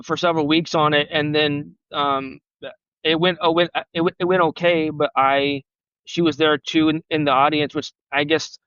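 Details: Real stuttering in an adult man who has stuttered since age 5 and had speech therapy on and off from grade school to college, heard in a podcast interview.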